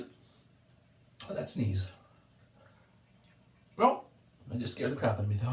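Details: An adult woman sneezes loudly in a bathtub while drinking wine, with a sharp voiced burst and exclamation in a small echoing room; she had been out in the rain and says her nose burns. Repeated sneezing.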